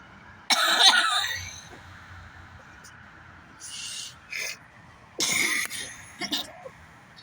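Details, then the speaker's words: Child in a repeated coughing fit, unable to stop coughing over and over: several harsh coughs in a short fit, with room noise between them. "Help I keep coughing over and over again. I can't even watch YouTube on my phone because every time I start coughing, I sound like this."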